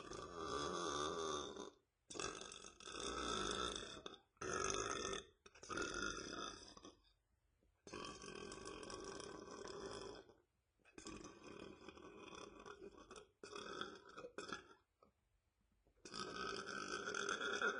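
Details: A long series of loud, drawn-out belches with short pauses, tagged as a man burping; repeated burping.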